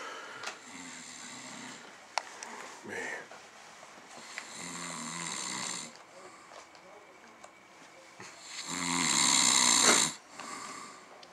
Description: Best Friend Snoring Before the UFC Pay Per View